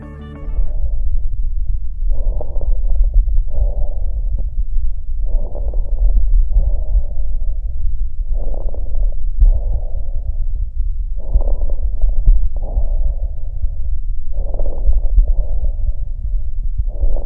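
Breath sounds through a stethoscope, about 20 breaths a minute, with brief clicking pops scattered through the breaths: crackles.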